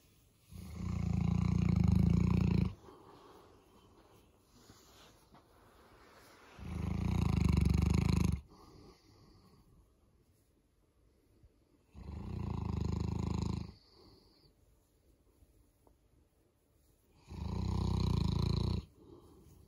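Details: Boerboel dog sleeping in on a morning: loud, deep rumbling snores, four in twenty seconds, each about two seconds, with quiet breathing between; dog snoring.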